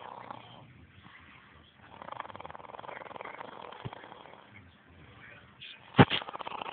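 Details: Person snoring heavily, likened to a bear: low, rattling, fluttering sounds rising and falling with slow breaths, followed by a brief louder snort.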